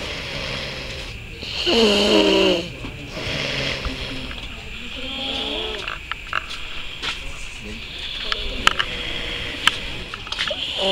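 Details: Person snoring: one loud, rasping snore followed by softer snoring breaths, with room noise and faint voices in the background.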